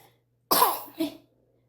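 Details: Child coughing while trying to speak: a single sharp cough with a short trailing second burst.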